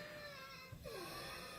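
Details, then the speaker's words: Example wheezing audio played through a microphone while explaining COPD signs: thin continuous whistling tones gliding downward, from airways narrowed by swelling, mucus, asthma or muscle spasm; wheezing. "now that sound is the airway being narrowed constricted down from either swelling or mucus or like annan asthma it could be the muscle spasm but anyway the airway is narrowing and then it makes this noise wheezing"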